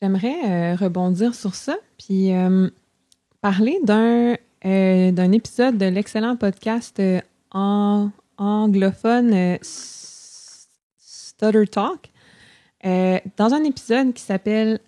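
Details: Adult woman who stutters, a speech-language pathology master's candidate, speaking French in a podcast conversation; stuttering.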